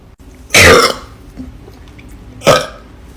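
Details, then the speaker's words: Woman (girl) deliberately burping on command after just drinking an Irish coffee; she has only just started learning to burp. Two loud, rough, voiced belches, the first long and the second shorter. "I'm way better at it on command to all the people that say burping isn't ladylike"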